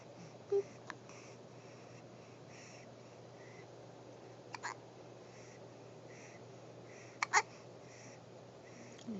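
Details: Infant boy with hiccups: three brief, sharp hiccups spaced a few seconds apart over a quiet room hum.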